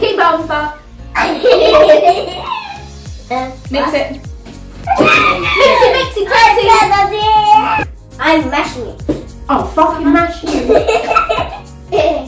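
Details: Tourette syndrome with uncontrollable vocal tics, including strong language, in a woman speaking while baking; vocal tics (Tourette syndrome)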